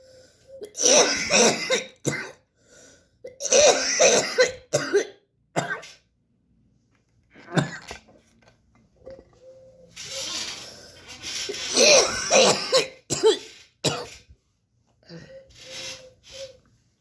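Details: Productive cough: repeated harsh coughing bouts with raspy throat clearing and hawking, bringing up real phlegm.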